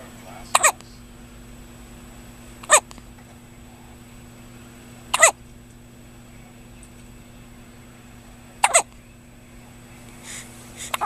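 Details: Newborn baby boy with hiccups: short, sharp hiccups about every two to three seconds, five in eleven seconds, over steady room hum; newborn hiccups.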